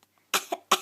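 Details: 5-month-old infant girl deliberately coughing on request: two short, light coughs; a normal voluntary cough.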